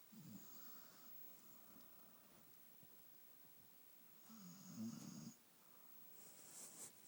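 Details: Soft, low rumbling snores with an airy hiss, about two breath cycles in seven seconds, in a quiet room: snoring.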